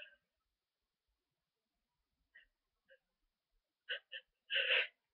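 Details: Person with a cold, stuffy and sneezy after a long nap, with constant tickle and false starts: soft catching breaths, then a quick run of small sneezes ending in a louder one.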